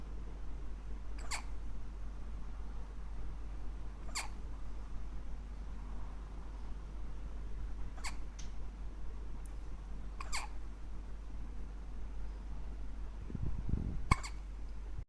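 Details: Hiccups: five brief, sharp hiccup clicks at fairly even intervals, about 20 a minute, over quiet room hum.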